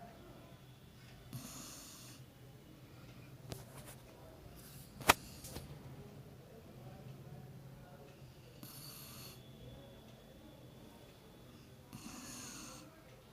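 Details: Soft, breathy snores recurring every few seconds, with a few clicks and room noise between them, from a sleeping female pet dog; snoring.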